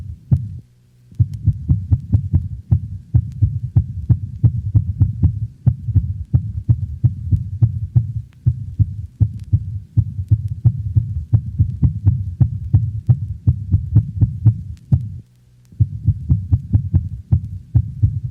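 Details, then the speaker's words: Dog in atrial fibrillation: very rapid, chaotic heartbeats with an irregular rate and variable heart-sound intensity. "notice the irregular rate and variable intensity of heart sounds of a dog in atrial fibrillation"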